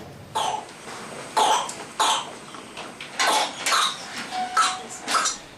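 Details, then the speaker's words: Infant whooping cough (pertussis) fit: a run of harsh, strained coughs, closely spaced with brief gasps between. "And the cough needs to be really really vigorous, but they often it's not very effective. And then sometimes they'll stop breathing."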